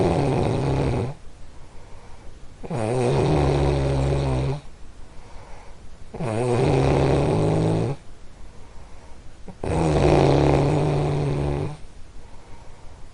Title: Soothing??? Snoring sleep sounds!